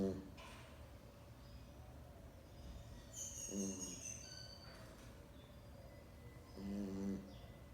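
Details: Pet Boston dog sleeping, with short buzzing snores recurring every few seconds over steady room noise; snoring.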